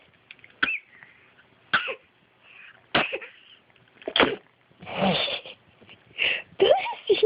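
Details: Repeated sneezing: a run of about six sharp, explosive sneezes about a second apart.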